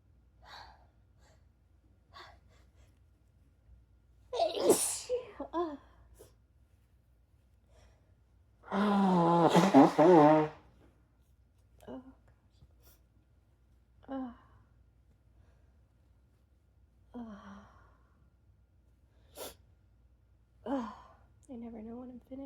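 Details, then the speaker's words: Adult in a sneezing fit with a tickly, itchy nose sneezes forcefully twice between quiet sniffs, snorts and soft gasping breaths; sneeze. "I can't stop sneezing until I blow my until I blow my nose."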